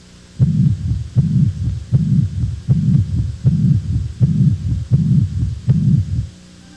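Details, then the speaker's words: Heart murmur from a cardiac valve lesion: regular heartbeat about 79 a minute, each beat followed by a long low rumbling murmur from turbulent, altered blood flow. "os sopros são vibrações decorrentes de alterações do fluxo sanguíneo viscosidade e turbilhonamento que ocorrem principalmente nas lesões valvulares"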